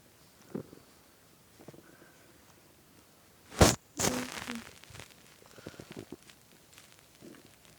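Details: Boyfriend's hungry stomach, listened to while lying on it as he played a game: faint, brief low gurgles with a couple of louder handling noises; bowel sounds (stomach growling).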